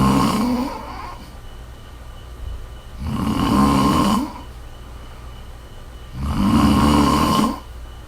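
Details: Woman snoring: loud, rough, rattling snores on each breath, about three seconds apart; ordinary snoring.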